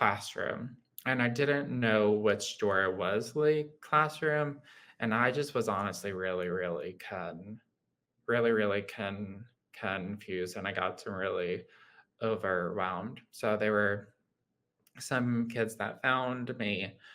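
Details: Adult man with lifelong childhood apraxia of speech, a neurological motor speech disorder; childhood apraxia of speech.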